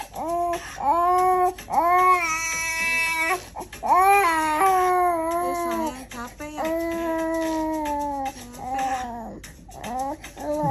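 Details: Infant with a cough and cold cries vigorously, with sustained loud wails in repeated bouts and short catches of breath between.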